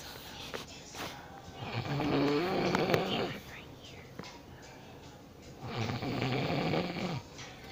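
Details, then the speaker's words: Two loud, rough, rattling snores from a sleeping adult man (father), several seconds apart, with room noise between. "Today I'm gonna record my dad sleeping."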